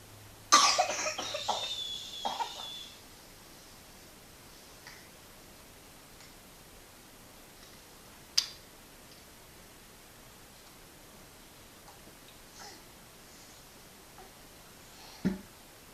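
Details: A child's cough: a harsh burst of several rapid coughs at the start, then quiet with a few isolated short coughs or throat noises.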